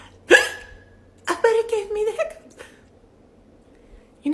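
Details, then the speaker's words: Sudden sharp voiced hiccups with a short laugh and the start of another hiccup, after tasting a limey, tart green habanero prickly pear hot sauce that is not very spicy: hiccups. "oh and it gave me the hiccups it's not even spicy like that"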